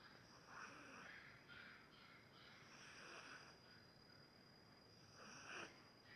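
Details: Snoring while asleep on the sofa: soft, snuffly, breathy snores recurring every few seconds over a faint steady whine; light snoring, likely a cat.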